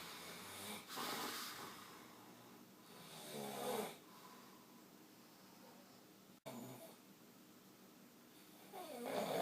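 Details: A man snoring very loudly during sleep: loud, rough snores on the in-breath recurring every two to three seconds, about 22 breaths a minute; typical snoring.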